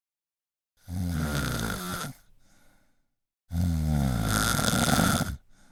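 Two harsh, vibrating snores on the in-breath, each followed by a soft breathy exhale; typical snoring.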